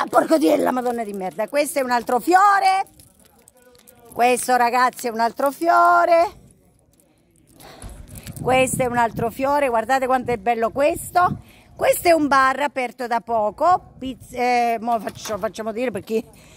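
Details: Adult female with Tourette syndrome (real, not acted): vocal tics with coprolalia, sudden involuntary swearing outbursts interrupting her speech.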